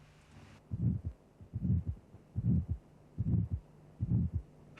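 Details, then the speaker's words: Cardiac auscultation teaching demonstration of aortic stenosis: a systolic murmur in time with the pulse, with a triangular sound envelope rising to a peak then falling rapidly; ejection systolic murmur. "First note the murmur is systolic in time with the pulse. The murmur has a triangular sound envelope increasing to a peak intensity, then decreasing rapidly."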